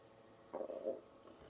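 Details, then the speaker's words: Brief gurgling, rumbling adult stomach growl (borborygmi) near dinner time, ordinary hunger-related bowel sounds heard during a beading tutorial. "Oh, that's my stomach growling. Hopefully you didn't hear that. If you did, sorry."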